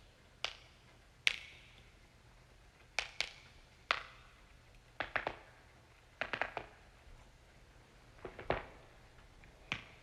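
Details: Compilation of neck and back joint cracking: sharp, brief pops and cracks, singly and in quick clusters, typical of harmless joint cracking.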